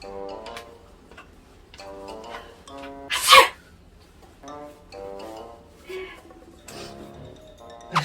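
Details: Simulated sneeze: a woman in a Japanese–British couple pretends to sneeze on her boyfriend as a prank. A single sharp, sneeze-like burst between music and short voice sounds; a deliberate imitation, not a real sneeze.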